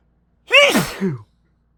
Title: Stronger sneezes than I meant